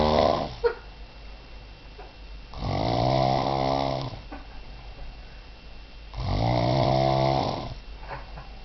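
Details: Drunk man passed out after drinking cider, snoring: loud, rough, rattling snores about every three to four seconds, roughly 19 a minute, with quieter breathing between.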